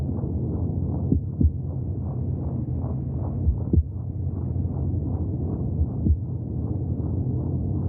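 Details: Intrauterine heartbeat sounds: muffled, steady whooshing pulses under a low rumble, heard from inside the womb.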